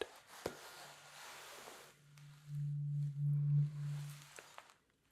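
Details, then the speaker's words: Simulated ASMR cranial nerve exam: a struck tuning fork rings softly for about two seconds over quiet room noise while the listener says whether it sounds middle, left or right; tuning fork tone. "I'm going to ring the tuning fork, and you let me know if you can hear it in the middle, in the left, or in the right, okay?"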